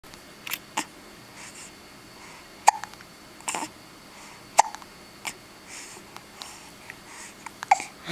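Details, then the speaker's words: Baby boy, day 23 of life, with hiccups: short soft catches at irregular intervals, about thirty a minute, with faint infant noises; common harmless infant hiccups. "say hey Grandma Ellen I have the hiccups always no fun hiccups are no fun hiccups aren't fun"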